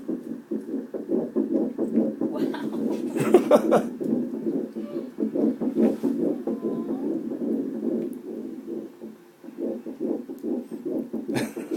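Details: Single-embryo pregnancy at 7 weeks 3 days: rapid, regular whooshing pulses of an early fetal heartbeat on Doppler during an ultrasound exam, at roughly 140 beats a minute, with brief talk over it.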